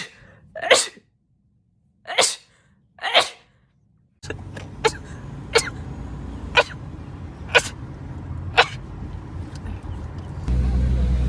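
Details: Short compilation clip of about eight sharp, rapid sneezes in quick succession, the later ones over steady background noise; ordinary sneezing.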